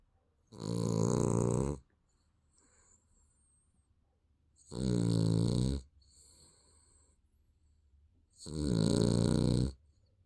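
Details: Sleeping baby snoring: loud, buzzing snores on each breath with quiet pauses between, three over ten seconds, about 18 breaths a minute.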